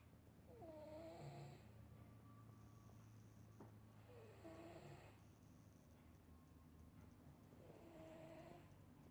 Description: love to hear my baby Sunny snore when he is sleeping :) / #snoringcat #sleepingcat